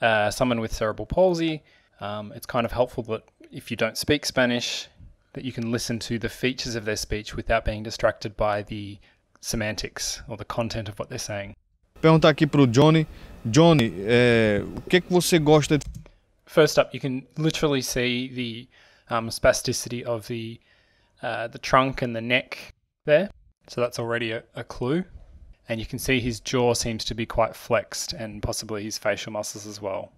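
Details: Adult male narrator, with a brief sample of another speaker; normal speech.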